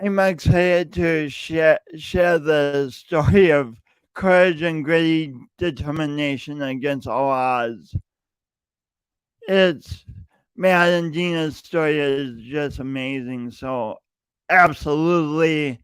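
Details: Male podcast host who says his speech impediment is audible every time he speaks; speech impediment (unspecified).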